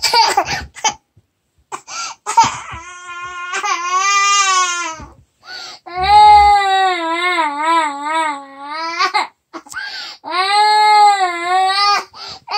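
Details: A 28-month-old (2-year-old) toddler wails in long, wavering cries with sobbing catches, protesting going to sleep at bedtime. Toddler crying.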